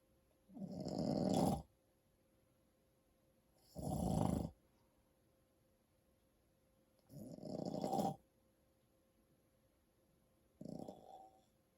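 Four loud, rough snores on inhaling, each about a second long, separated by quiet pauses; ordinary snoring during sleep.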